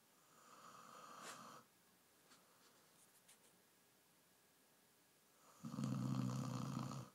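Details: Stuka snoring while lying on Zsuzska: a rough snore, a quiet pause, then a louder, deep, buzzing snore on the next breath; ordinary snoring.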